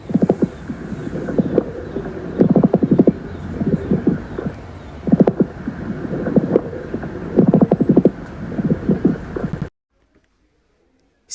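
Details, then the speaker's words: Coarse crackles: breath sounds with bursts of low-pitched bubbling, clicking crackles from intermittent airway opening and closing as air passes through secretions or fluid, starting early in inspiration and possibly extending through expiration. "cuando el aire pasa por estas secreciones o acumulación de líquido, este se produce como un abre y cierre intermitente de las vías aéreas, lo que produce pues precisamente el sonido de burbujeante."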